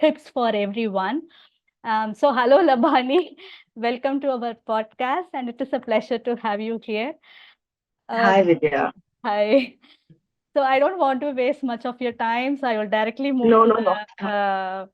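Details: Adult host who stammers and also has hearing loss, speaking naturally while introducing a podcast guest; repetitions and fillers are audible; stammering.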